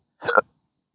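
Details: Intractable hiccups since December 2015 after surgery with multiple nerve damage (pudendal nerve injection, phrenic and vagus involvement); recorded on a roof during morning meditation at sunrise: a single abrupt, voiced hiccup with a sharp catch of breath.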